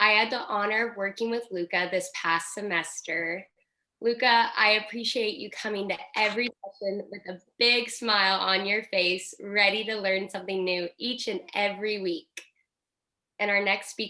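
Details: Adult woman speaking; normal speech.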